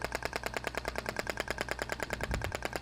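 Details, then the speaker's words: Rapid, regular sharp pulses, about ten a second, from a Thork radial shockwave therapy applicator firing as it slides over the back muscles during a practical treatment demonstration. "o radial aplicado radinho nota atribuindo a estes últimos disparos eu vou fazer movimentando se necessário né o aplicador na região desloque ar mais um pouquinho"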